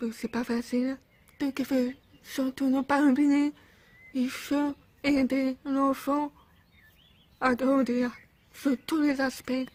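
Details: 28-year-old woman born with profound bilateral deafness, diagnosed around age 1, using cochlear implants after years of speech therapy until age 16; speech of a person with congenital profound deafness.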